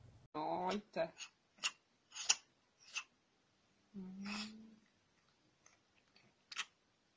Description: Cute and funny sneezing cats. Sneezing cats sneeze like people. Adorable fluffy sneezing cats.